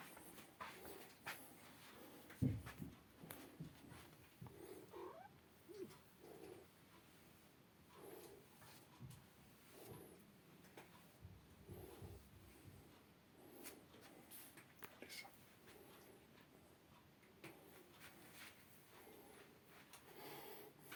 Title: Cat Lisa Sleeps So Soundly That She Snores